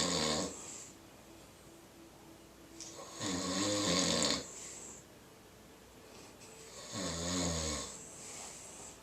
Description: Doug & Piper were taking a nap together and their snores sounded like music.